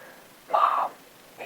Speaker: You can hear my stomach growling.